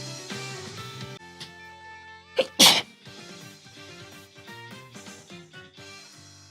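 Two quick sneezes in a row, the second louder, heard over background music.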